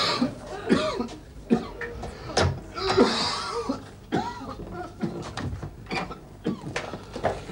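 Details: Acted, repeated coughing by an office worker with a "tickle" in a 1986 Dutch TV comedy sketch; colleagues complain he is spreading viruses and should cover his mouth.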